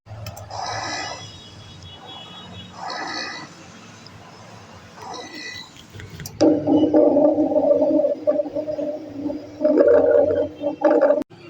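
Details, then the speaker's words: Low-pitched, rattling, snoring continuous sounds with each breath, caused by secretions collecting in the large airways, as in bronchitis: rhonchi. "सांस के साथ दो frequency वाली घरघराहट के साथ मुसलसल सुने देती है यह साउंड बड़े एयरवे में सेक्रेशन के जमा हो जान की वजह से होती है"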